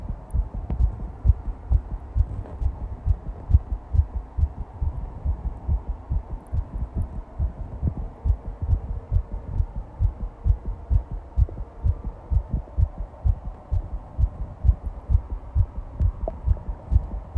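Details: Fast heartbeat recording: rapid, regular low thumping at roughly 130 beats a minute; tachycardia.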